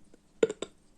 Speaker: have the hiccups and they just let them continue and you can hear them today